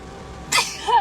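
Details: A single sudden explosive sneeze from someone sitting in a car on a lunch break while it rains outside, with quiet car-interior background noise; sneeze.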